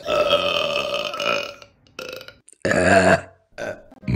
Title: Burping Compilation October 2023 #1 | RBC